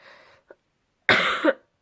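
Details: Adult coughing while ill, still very ill during a vlog: a faint breath and small throat sound, then one loud harsh cough burst.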